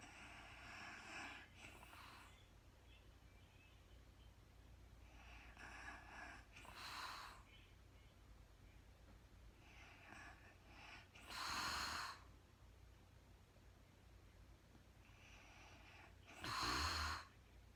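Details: Woman recorded in real time sleeping through the night, very tired, not talking: quiet, breathy sleep breathing about 12 a minute, broken by occasional louder snorting snores; intermittent light snoring.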